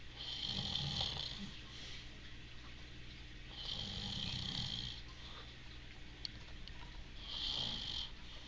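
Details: Loud, heavy snoring from an adult man, with rough, rattling breaths recurring every few seconds over steady room noise.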